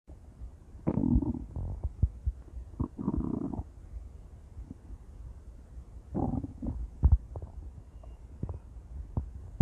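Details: Loud stomach growling from a female: low gurgling rumbles with scattered pops and squelches in irregular bursts. Ordinary bowel sounds.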